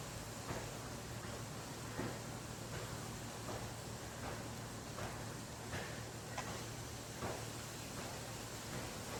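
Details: Dr Trust Comfort Pro 115 digital automatic blood pressure monitor inflating during a measurement while being unboxed: a steady low motor hum with faint rustling. The reading was 127/76, described as normal.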